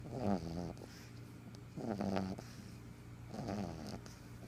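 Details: Rhythmic rattling, snorting breaths, about 38 a minute, from a sleeping black pug: ordinary snoring for a flat-faced dog.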